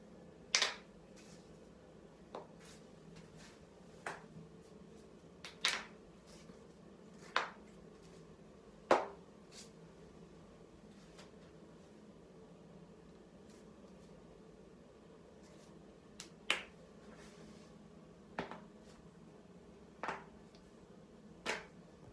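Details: About ten sharp, irregularly spaced pops and cracks in a quiet room after a gaming session, including neck cracking; joint cracking.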